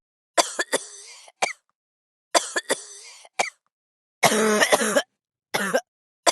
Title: coughing for a months or years?